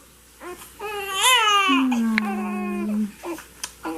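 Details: Hungry three-week-old (3 weeks 2 days) breastfed baby boy in a small room, with short rising and falling wails; a newborn's hunger cry.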